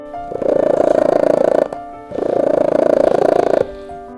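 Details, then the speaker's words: A cat purring in two bursts of rapid, rhythmic low rumbling, with steady tones in the background. Cats typically purr like this when stroked or held. "suara dengkuran seperti ini pasti sudah cukup akrab di telinga para pecinta kucing umumnya kucing akan mengeluarkan suara seperti dengkuran saat sedang dibelai atau saat kamu menggendongnya"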